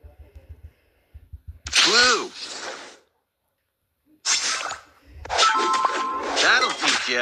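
Three loud, explosive bursts, each with a short voiced cry and a hissing rush of air. Repeated sneezes, with faint ringing tones in the background.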